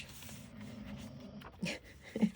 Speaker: Can you hear my dog sleeping in the background, snoring away? Curious George.